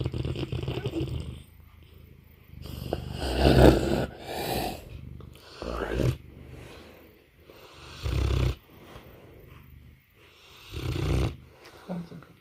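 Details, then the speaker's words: Sleeping, very tired Mastiff snoring: loud, rough, fluttering snores on repeated breaths, about five in twelve seconds, with quieter gaps between them; heavy snoring. "like a failed pull start on my chainsaw. Oh, poor bear."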